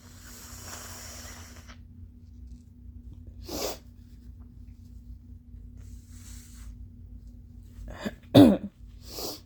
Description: Just some more nose-blowing, along with wet, phlegmy allergy coughs.😫🤧